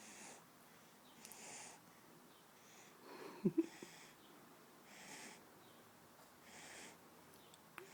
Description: I picked her up thinking she was awake but she was actually asleep with her eyes open snoring lol